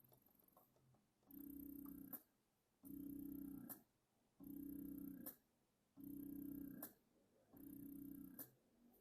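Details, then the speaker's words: Spectra hospital-grade electric breast pump (closed system) running with suction being raised, cycling about every 1.5 seconds, each cycle a soft hum ending in a click at the suction stroke. "e and the vacuum the L vacuum is level how strong of a suck do you want it to be so I'm going to put it on to so you can see one thing that's really great about these Spectre pumps is it's a closed system so it's not going to accidentally suck up milk into these tubes this slight movement now let me boost this suction"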